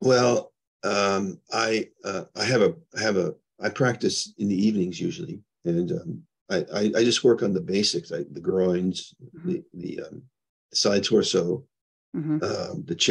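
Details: Adult man with progressing Parkinson's disease who reports mild stuttering, losing his words and impaired balance; speech disfluency with word-finding difficulty in Parkinson's disease.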